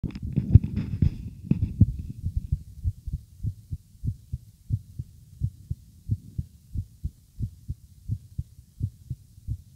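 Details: Morning heartbeat recording: a little rustling at the start, then steady, soft low heartbeat thumps at a brisk, even pace.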